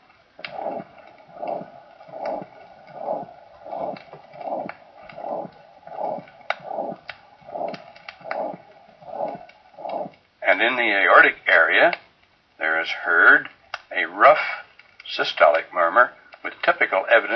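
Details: Mitral insufficiency with aortic stenosis; teaching recording contrasting murmurs, including rough systolic murmur at the apex.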